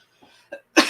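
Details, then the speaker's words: Adult with bad sinus issues and an ongoing sinus infection: two soft breathy sounds, then a sudden loud, harsh cough burst cut off at the end, during a live online talk show. "excuse me um I'm sorry guys out there I'm going to be coughing and sneezing away it's okay I get I I have bad sinus issues"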